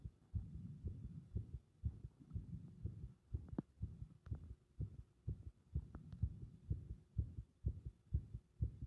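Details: Compressed heart sounds with arrhythmia: muffled low heartbeats at about 125 a minute with uneven spacing between beats; irregular rhythm.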